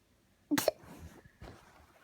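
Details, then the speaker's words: Hiccups in a young child: a sharp, abrupt hiccup followed by a fainter second catch about a second later, while the child talks with her mother. "hiccup as said that's a hicup what what is it a hicup yeah where where is the hiccup in my mouth hiccup's in your mouth"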